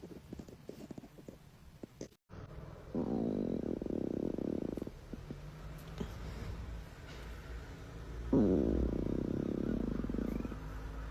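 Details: Two long, low rumbling, gurgling stretches over faint room noise from a girl's belly: ordinary stomach growling (borborygmi).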